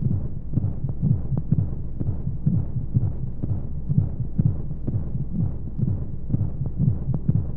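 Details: Womb sound sleep aid for babies: steady low thumping beats at about 125 a minute, regular, under a constant soft rushing flow noise and white noise, as heard in the womb; heartbeat.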